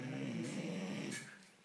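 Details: A dog sleeping deeply: a long, wavering, rumbling snore that fades out; ordinary snoring.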